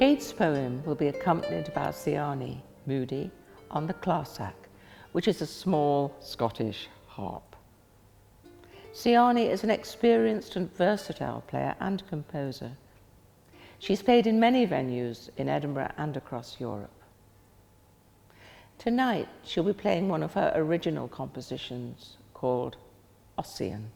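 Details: Adult speaker (event host); ordinary speech.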